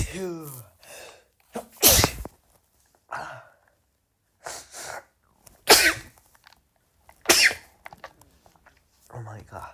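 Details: Male sneezing: about four sharp, explosive sneezes in a row with gasping breaths and brief talk between them.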